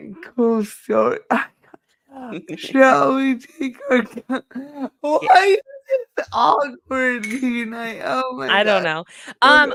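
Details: Dysarthria in a woman who says it is due to her cerebral palsy and that nothing can be done about it.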